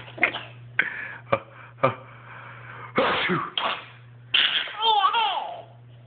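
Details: Several short, sharp sneezes in quick series after eating yogurt, ending with a squeaky vocal sound; repeated sneezing.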